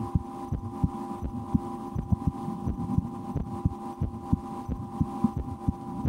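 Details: Own heartbeat heard through a stethoscope in a relaxation recording, breath held a couple of times while trying to speed the heart: soft thumping heartbeat near 85 a minute over a steady hum; normal heart sounds.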